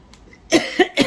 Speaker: Sorry about that. I had to sneeze, and I didn't want you to hear that awful, terrible sneeze.